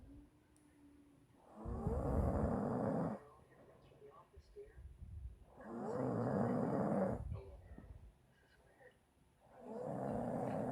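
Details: Snoring from a sleeping female: loud, rough, rattling snores on each breath about every four seconds, roughly 15 breaths a minute, with quieter breathing between.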